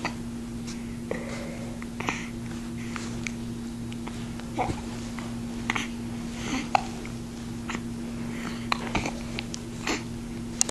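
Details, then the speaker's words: Infant hiccups after a bath: about six or seven short, sharp catches roughly every one to two seconds over a steady room hum. "You got hiccups."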